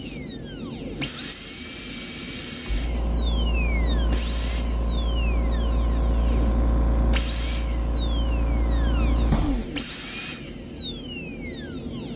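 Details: Dental high-speed handpiece on a bench dexterity test, cutting a class II DO amalgam preparation on a maxillary first premolar, starting with a full-depth distal punch cut (bur 1.6 mm long, 0.6 mm wide); high-pitched whine rising and falling as the bur cuts.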